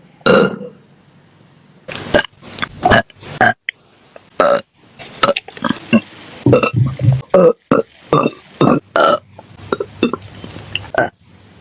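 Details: Female singer burping during a livestream: a rapid series of about fifteen short, loud, voiced belches separated by brief pauses; repeated burping.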